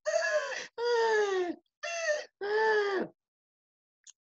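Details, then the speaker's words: Imitated stridor, as from a goiter compressing the trachea: four harsh, high-pitched crowing inspiratory and expiratory breath sounds indicating upper airway obstruction. "Stridor is that crowing sound that is an indicator of obstruction of the airway. It's inspiratory and expiratory."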